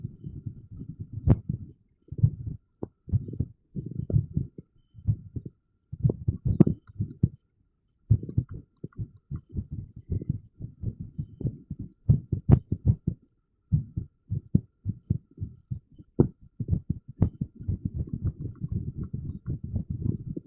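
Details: Low, muffled heart thumps at uneven intervals with occasional pauses, recorded with TENS; irregular heartbeat.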